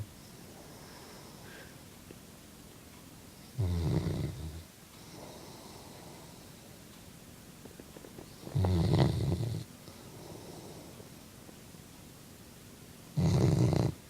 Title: Brigley snoring (My Chocolate Labrador).wmv